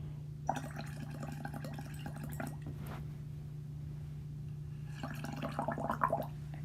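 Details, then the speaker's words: Crackle-like bubbling sounds played as an example of fine inspiratory crackles in a teaching talk on neonatal respiratory distress syndrome, likened to a hookah's water-and-air bubbles on inhalation: two bursts of fine, rapid popping over a steady low hum. "the sound when you inspire and inhale and suck in this hookah or this disgusting unhealthy stuff looks like crackle or sound likes crackles like this here are some crackles"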